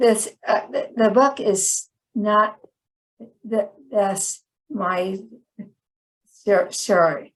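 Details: Chronic post-stroke aphasia in a woman about 10 years after a stroke that initially left her hemiplegic and unable to speak.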